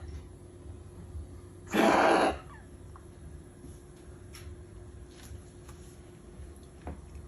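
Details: Wheezing cough from a dog described as struggling to breathe: a single harsh, cough-like burst, then a quiet room; no clear whistling wheeze stands out.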